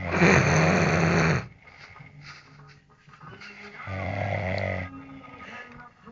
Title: indian Snoring